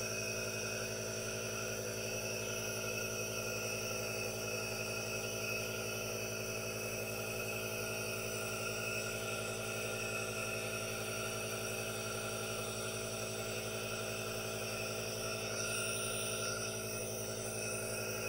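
Steady continuous hum with a hissing airflow, unchanged throughout; a nebulizer running normally.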